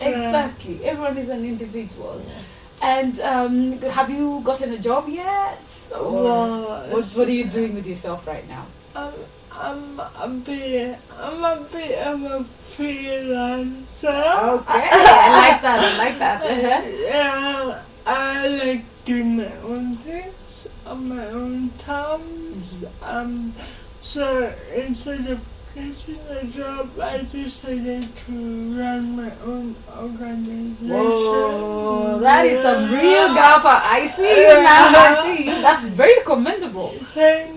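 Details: 26-year-old woman with lifelong cerebral palsy who began talking much later than other children; dysarthria in cerebral palsy.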